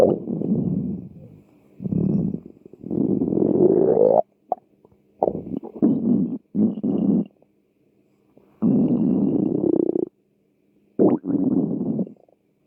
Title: -Açlık sesleri-Stomach growl sounds